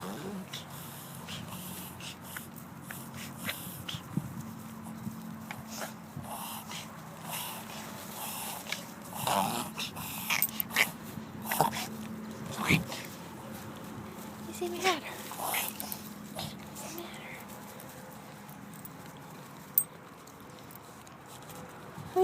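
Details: Dog with suspected kennel cough gives a run of short, harsh snorting or hacking bursts.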